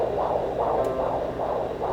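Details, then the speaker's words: Pregnant jail inmate lying down, examined by a jail doctor who says she used drugs while pregnant: rapid rhythmic whooshing pulses about 150 a minute over a low hum; fetal heartbeat on Doppler, which she hears for the first time. "First time mo lang narinig ang tibok ng puso ng anak mo."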